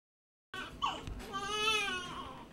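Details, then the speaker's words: Newborn crying in a hospital nursery whose program covers late preterm infants (34–37 weeks): a short, high, rising and falling wail, a strong and normal newborn cry. "joyful sound of a new baby's cry can be heard from the nursery at Ohio Health's Riverside Methodist Hospital in Columbus Ohio"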